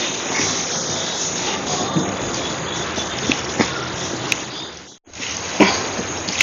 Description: The Violent, Little More Loud, Silent, Minute Hiccups lasted 2 Hours and 28 Minutes for 6/16/19 after drinking 1 cup of soda after Dinner.